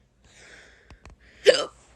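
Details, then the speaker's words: Girl with hiccups, her fourth bout of the day, upset and crying; doctor said they would ease after puberty: a sudden voiced catch of breath with sharp click-like onset. "is the fourth time I've had hiccups today and I'm crying about it because but it's not that fun"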